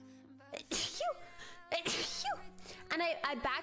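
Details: Three sharp sneeze-like bursts, each after a quick catch of breath, with a brief voiced sound between them, from a girl in a sneezing compilation: sneezing.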